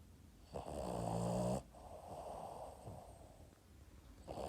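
A loud rattling snore on one breath in, followed by quieter noisy breathing out; snoring in a sleeping small dog.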